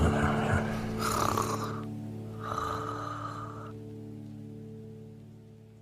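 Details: Cartoon sound effect from an animated series: sleeping characters Pongo and Perdita give two drawn-out rasping snores over a soft "Rock-a-Bye Baby" lullaby; simulated snoring.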